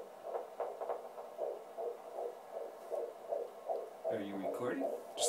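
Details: Rapid, regular whooshing fetal heartbeat on Doppler, timed at about 140 to 150 per minute; normal fetal heartbeat.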